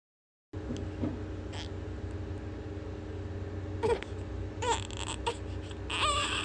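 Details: Baby crying fiercely, recorded 18 July 2020: short bursts of crying and whimpering over a loud, steady engine-like drone; infant cry.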